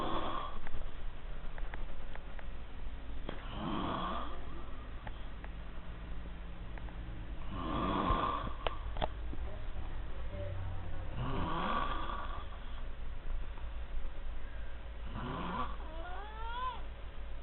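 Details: Loud rattling snores on inhalation, about one every four seconds, roughly 15 breaths a minute, over steady room hum: loud snoring.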